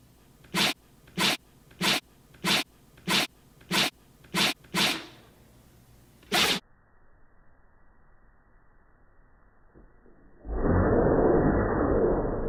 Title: Dog Sneezing Annoying Version 2